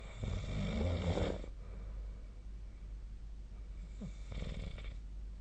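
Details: Sleep snoring recorded 2025/02/20: deep, rumbling snores on the in-breath, separated by a few seconds of quieter breathing; typical snoring.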